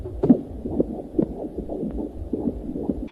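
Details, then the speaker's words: Rapid, regular whooshing fetal heartbeat at about 140 beats a minute, heard on an ultrasound. "They will also most likely check an ultrasound, and one of the things that they will be looking for is the baby's heartbeat. They can hear your heartbeat by a transvaginal ultrasound as early as around 6.5 weeks."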